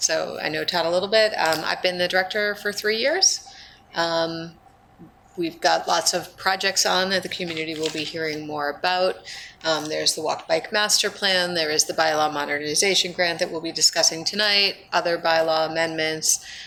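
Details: Adult woman speaking; normal speech.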